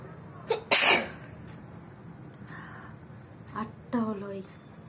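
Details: Deliberately induced sneezing in a sneezing challenge, eyes watering, about nine sneezes in total: one sharp sneeze after a brief intake, followed a few seconds later by short voiced sounds.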